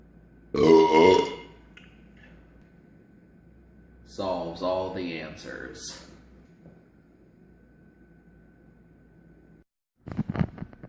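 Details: Person belching: a loud, deep belch, then a long rumbling one, with a brief burst of noise at the end; repeated burping.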